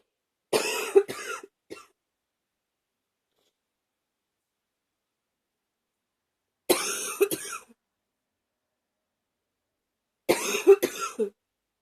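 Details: Cough and sniffling during a common cold: three short bursts of coughing separated by quiet pauses, each a couple of harsh coughs.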